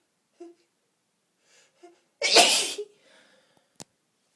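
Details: Two short catching breaths build to one loud, explosive adult sneeze, then a faint exhale; sneezing.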